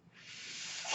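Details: Airflow from the speaker's own mechanical ventilator, heard in the background while he talks during a spoken podcast recording.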